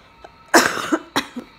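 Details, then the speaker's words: Adult patient in hospital on last day of second chemotherapy round: strong, loose-sounding cough then two smaller coughs in a quiet room, a lingering cough from a cold, described as less bad now. "so you can hear i still have a cough um from the cold but it's not as bad anymore"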